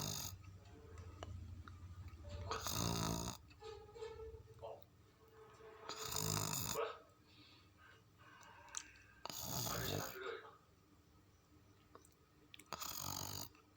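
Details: Four loud, rough snoring breaths about every three and a half seconds from a cat sound asleep, snoring like a human, with quieter noise between; snoring.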